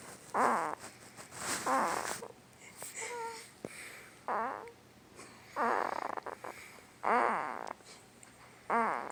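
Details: Sleeping 2-week-old newborn boy making about seven short squeaky voiced grunts with snorty breaths in a quiet room; newborn sleep grunting and snoring.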